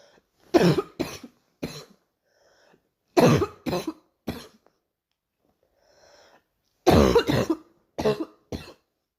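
Three bouts of coughing, each two to four harsh bursts, about ten coughs in all with quiet breaths between.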